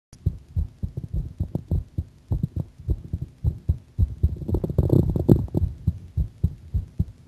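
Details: Steady paired heart thumps at roughly 107 beats a minute, a mildly fast heart rate; the person says their heart sounds a bit faster; fast heartbeat.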